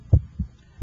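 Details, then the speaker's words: Electronic stethoscope at the apex over the PMI, timed with the radial pulse: a louder first sound followed by a softer second sound; normal first and second heart sounds. "I can hear your first heart sound and I can hear the second heart sound"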